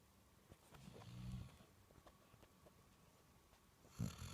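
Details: Dog out cold and sleeping very deeply, snoring like a person: two low, rough snoring breaths in a quiet room.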